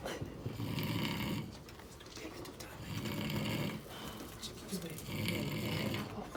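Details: Loud habitual snoring of a sleeping person: rattling snores in slow cycles, about three in six seconds, with quieter gaps between.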